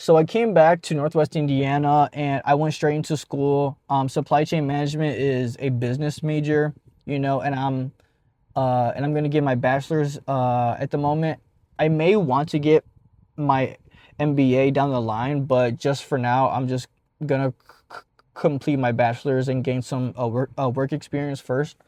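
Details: Adult man who stutters, speaking after his second turning point in no longer hiding his stutter; stuttering.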